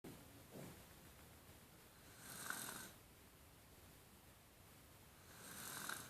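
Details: Aidan sleeping: two soft, rasping breath noises about three seconds apart in a quiet room; snoring.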